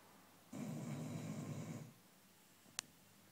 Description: My dog Oscar the chow chow snores so loudly!